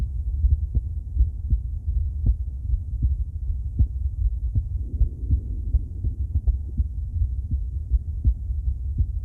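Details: Female heart auscultated with several different stethoscopes via microphone, moving Erb's point, mitral, tricuspid, aortic, then pulmonic; steady low lub-dub about 80/min with soft stethoscope rustle, no added noises; normal heart sounds.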